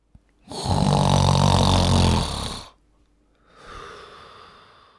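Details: Adult male snoring: a loud, low rattling snore on the in-breath, followed by a softer, airy out-breath.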